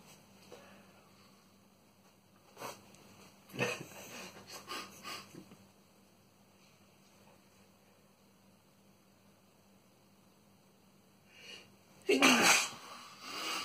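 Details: Boyfriend's sneezing fit: several sharp sneezes in a quiet room, ending with a loud final sneeze.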